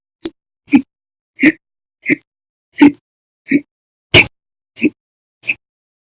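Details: Persistent hiccups recorded October 2019, episodes lasting over 5 hours daily (up to 13.5 hours): nine sharp, abrupt hiccups about every 0.7 seconds, roughly 44 a minute.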